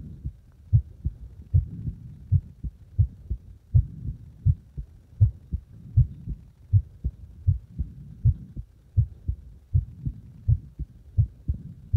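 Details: Heartbeat deliberately made to speed up and slow down: regular low thumping, about 79 a minute on average, pace rising and falling over the recording.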